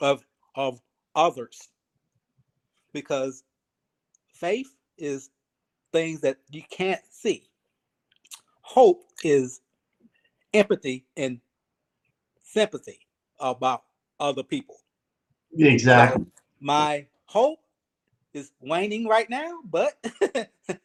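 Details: Aphasia in a 52-year-old man, 3 years after an ischemic stroke, still working on his speech in a real conversation.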